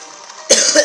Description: I seriously hate this cough.